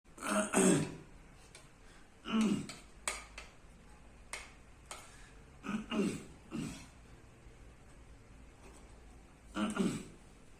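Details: Man with Tourette syndrome: repeated short, forceful throat-clearing sounds at irregular intervals, a vocal tic.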